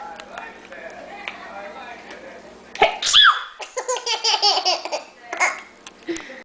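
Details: Simulated sneeze: a mother fakes a sharp sneeze burst, followed by her baby's bubbling laughter.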